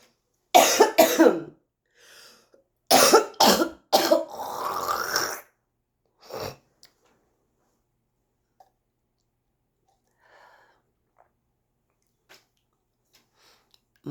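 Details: Woman smoker smoking a cigarette: several harsh, wet coughs, spitting and phlegmy throat clearing in two bursts with airway congestion; she guesses chronic bronchitis; smoker's cough.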